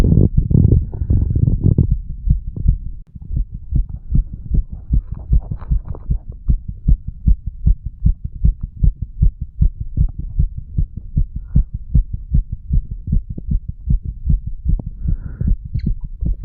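Rapid regular low thumps of a heartbeat, roughly 75 to 80 beats a minute, with a louder muffled opening stretch.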